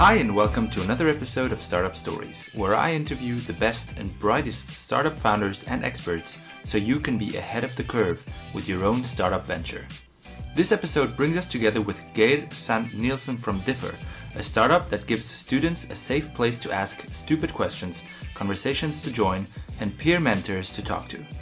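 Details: Adult male speaker over background guitar music; normal speech.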